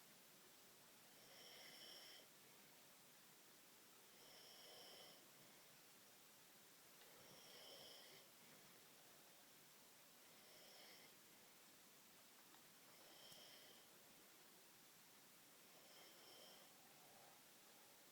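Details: An adult man snoring in sleep around 2:40 AM, loud enough to hear from another room: quiet, rough snores about every three seconds, roughly 21 breaths a minute, over steady hiss.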